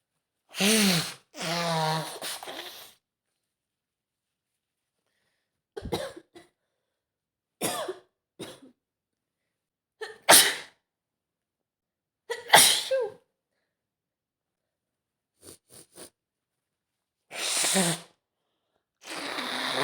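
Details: Acted scenario of a woman sick with a cold: several sharp sneezes with breathy intakes and pauses between them, in a quiet room.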